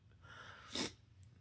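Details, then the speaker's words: Someone sneezing while talking to camera, saying they can't help it: a single short, sharp sneeze burst against quiet room noise. "Just sneezing trying to trying to give knowledge. Sneeze. I can't help it. I can't help it."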